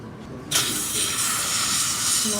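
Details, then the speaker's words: Steady loud rushing hiss of a dental air syringe drying the teeth before a zirconia layered-porcelain upper roundhouse bridge is cemented on implants placed about a month earlier; normal procedural dental air syringe hiss. "So this is all ready to go. Go ahead and dry the teeth."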